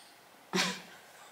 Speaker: Sorry if you can hear my dog, he's really snoring loudly.